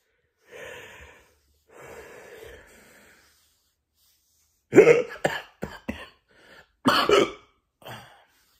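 Two soft breathy sounds, then a run of abrupt, sharp, gulping catches in quick succession; repeated hiccups.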